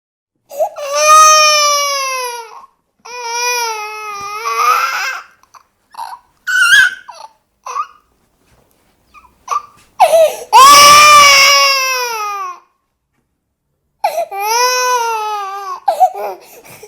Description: Sound sample of an eight month old baby crying.